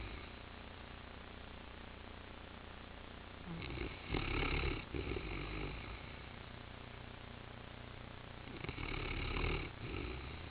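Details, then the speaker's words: 5-year-old brown Newfoundland dog napping on the floor, head in couch corner: low, rough rumbling snores over a steady background hum, two louder breaths about five seconds apart; ordinary snoring. "she's laying on the floor he's got her foot wedged up here next to Shanny and her head in the corner of the couch next to me she is just snoring like a buzzsaw"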